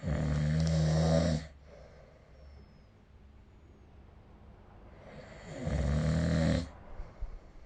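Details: Snoring during sleep recorded with the SnoreLab phone app: two loud, low, rattling inspiratory snores separated by a quiet pause of about four seconds; ordinary snoring.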